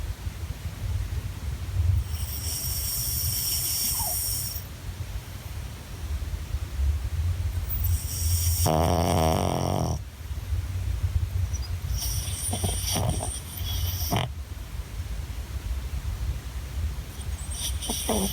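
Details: Loud rough snores recurring every few seconds with hissing breath between them, from a tired dog; ordinary snoring.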